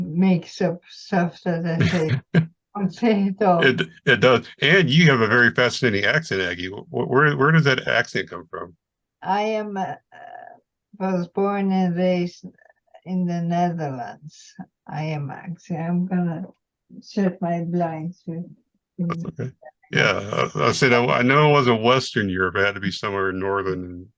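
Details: Woman, retired nurse, with multiple system atrophy, mainly parkinsonian type with some cerebellar features; speech symptoms began about two years earlier; reports some days with no voice at all; dysarthria (multiple system atrophy).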